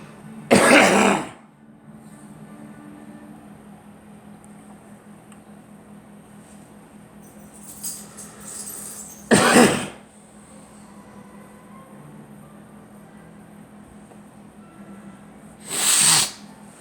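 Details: Three separate coughs from an adult, spaced several seconds apart, over a steady background hum; cough.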